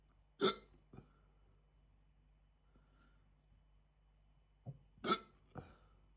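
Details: Right after eating a chicken tikka jalfrezi curry, hiccups started almost immediately (recorded 28 July 2026, audio only): several abrupt, short hiccups in an uneven run, with quiet room noise between them.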